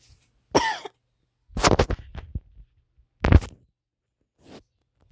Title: Replaying fights... also ignore the Cough at the end... anywho thanks for all the support